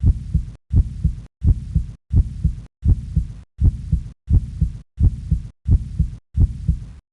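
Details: Regular simulated heartbeat, about 85 a minute, clean paired lub-dub sounds separated by silence, accompanying an animation of an adult male's beating heart and its one-way valves.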